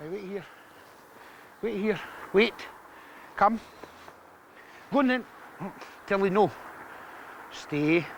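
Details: Vocal tics, including obscene outbursts, in a man in his 30s with severe Tourette syndrome and involuntary body movements; tics are often triggered by everyday situations such as crossing a busy road.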